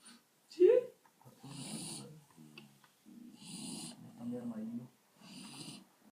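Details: Pet nicknamed El Monky asleep: repeated soft, buzzy, snuffling breaths with a wheezy whistle; animal snoring.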